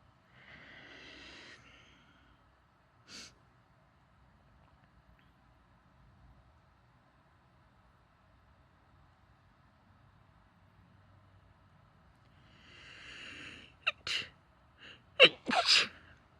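A breathy sigh-like sound, then quiet, then an indrawn breath and several short muffled, stifled sneezes in quick succession.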